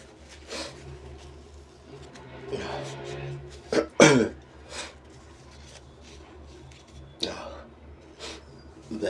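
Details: Several short nasal bursts and snorts with one louder explosive sneeze, then nose blowing, over faint background music: sneezes and nose blows.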